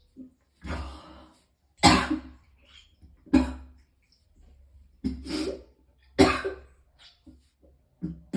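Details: Repeated harsh coughing and retching bursts, about six in eight seconds, with strained throat sounds between them; the person vomited several times because of extreme pain.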